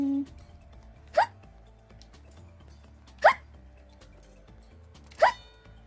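Three sharp, brief voiced hiccups about two seconds apart, roughly 30 a minute, over quiet background music; ordinary hiccups.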